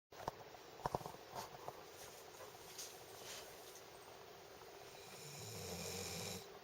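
Rough, rattling snore on breathing in, with faint background room noise.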